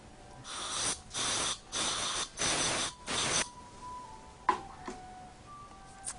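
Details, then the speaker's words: Five short hissing half-second bursts of contrast powder spray, then quiet room noise with clicks, applied to a male patient's teeth before a CEREC digital impression for an implant crown, to prevent saliva or tooth reflection. "All right, and this is a contrasting spray, so when we take the digital impression, there's no reflection of saliva or any part of the tooth. Just a lot of powder."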